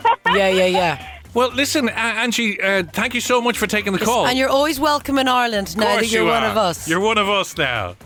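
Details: Adult speaker; Ordinary speech.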